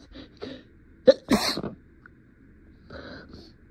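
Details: Acted scenario: a person playing a lawyer addressing a jury tries to hold back sneezes mid-speech and is stuffy. A sharp, partly held-back sneeze with a brief catch of breath, then quieter breath and voice sounds.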